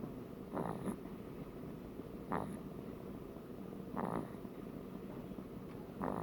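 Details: Soft rattling snores with each breath in, four in about six seconds, over steady room noise; ordinary snoring.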